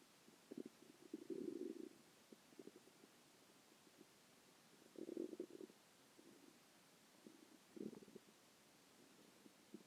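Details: Bowel sounds (borborygmi): soft gurgling and rumbling bursts of stomach growling coming and going against a quiet background.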